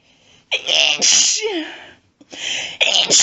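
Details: A sharp breath in followed by loud, forceful sneezes with strong hissing bursts of air from a woman announcing her sneezes; sneezing.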